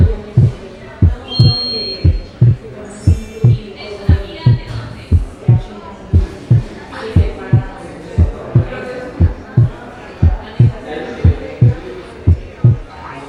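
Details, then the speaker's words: Physiological splitting of S2 on inspiration: falling intrathoracic pressure increases right ventricular filling, prolonging right ventricular systole and delaying the pulmonic component of the second heart sound. "Durante la inspiración, la presión intratorácica disminuye. Esto aumenta el torrente sanguíneo hacia las porciones torácicas de la vena cava y hacia la aurícula derecha. El aumento resultante en el llenado ventricular derecho produce una prolongación de la sístole del ventrículo derecho, de manera que el segundo ruido"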